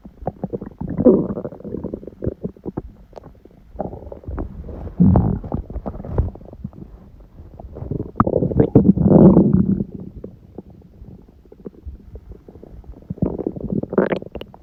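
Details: Repeated loud, long gurgling and rumbling bursts with squeaky rises, recorded at 1:30 am on waking, six hours after a large udon meal at 19:30; owner suspects stomach surprised by gluten; borborygmi.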